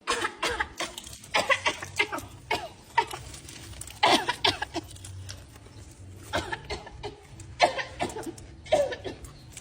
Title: Cough #jrsharing